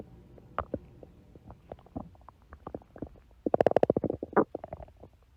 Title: stomach growling (for @Amandaforbuddies2 )